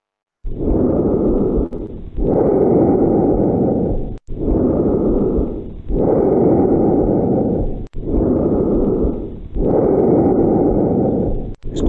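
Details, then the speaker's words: Auscultation over the trachea, teaching practical: normal tracheal breath sounds, loud, harsh, hollow and low-pitched, with expiration louder and longer than inspiration. "entonces el ruido porque traqueal se caracteriza porque tiene mayor intensidad del periodo espiratorio y mayor duración es un fluído espiratorio y tiene una tonalidad grave"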